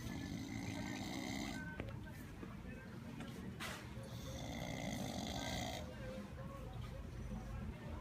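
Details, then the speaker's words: Sleeping man snoring: loud, rough, fluttering snores on each breath with room noise in the background. "Hey, you're snoring. Wow."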